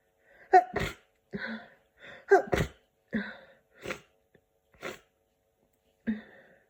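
Repeated sharp sneeze bursts, several with a quick indrawn breath before, in a quiet room; about six or seven sneezes.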